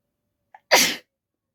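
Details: Woman's single sharp, explosive sneeze after a brief intake, induced with a folded piece of paper in a sneezing challenge that reached six sneezes.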